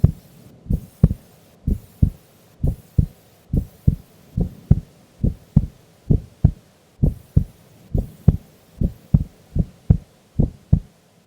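Steady paired lub-dub beats at about 64 a minute, regular throughout. A calm resting heartbeat.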